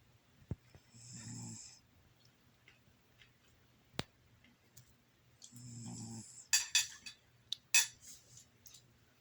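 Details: Snoring from a cat having a good snooze.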